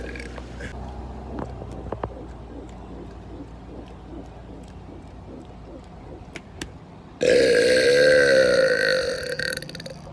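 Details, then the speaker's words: One loud, prolonged, deep voluntary belch lasting about three seconds after quiet background noise, recorded on a boat; burping. "What's up, guys? It's here. I'm back on a boat and I'm going to be doing another boat burps."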